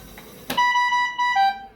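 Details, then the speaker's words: Ventilator alarm on a VN800 ventilator when switching from high-frequency back to conventional mode, set up for a 16 kg pediatric patient: click, then steady electronic tone dipping lower before alarm reset. "Okay. So we will reset the alarm."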